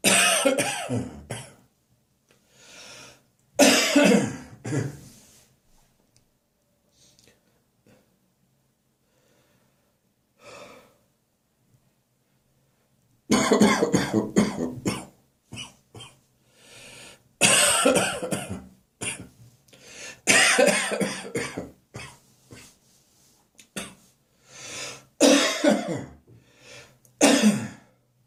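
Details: Summer morning productive catarrhal cough that has started recurring regularly in the mornings: repeated bouts of harsh, loose coughing with throat clearing.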